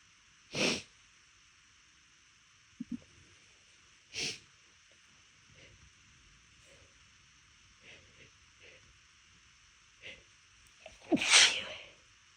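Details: Three sharp sneezes deliberately held back (failed attempt to stifle), partly muffled, separated by quiet sniffs and breaths; last is loudest; steady background hiss.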